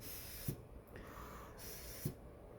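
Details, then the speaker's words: Early prototype low-cost mechanical ventilator automating a manual Ambu resuscitator bag with a car power-window motor and drawer slide: mechanical thumps about 1.5 seconds apart with motor whir and air hiss. "a gente entrou foi com abordagem de automatizar o anbu né que é um reanimador manual está bem no começo ainda mas já dá para ver como que vai ser o mecanismo de acionamento"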